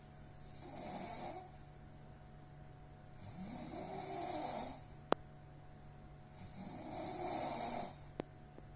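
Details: Person snoring in sleep when exhausted: loud rasping snores on each breath, about 20 breaths a minute, over steady room hum; snoring.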